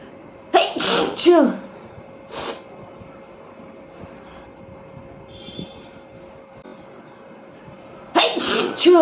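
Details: A woman deliberately inducing sneezes with paper for a sneezing challenge: bursts of sharp, forceful sneezes in a quiet room, a cluster at the start and another near the end; afterwards her nose is red.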